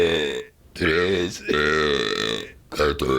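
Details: Deliberate burping while trying to count numbers in burps: long, deep, voiced belches one after another, each drawn out like a spoken word.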